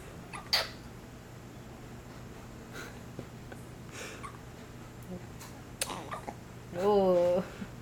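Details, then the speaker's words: Infant boy who gets hiccups almost every time after a recurring trigger and gets a little gassy; soft, brief, sharp catches at irregular intervals, ending in a short whimper: infant hiccups. "he's okay he likes to get um the hiccups he does this almost every time after he"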